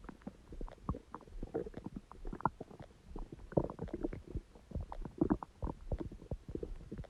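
Continuous low gurgling and bubbling rumbles from the belly; ordinary stomach growling as gas and fluid move through the gut.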